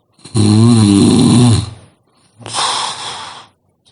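One loud, deep, vibrating snore on the breath in, then a softer rough breath out. Heavy snoring.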